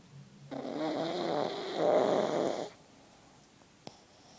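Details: Pug sleeping, snoring in one long, rough, rattling breath with a fluttering texture, then quiet; snoring typical of a flat-faced breed.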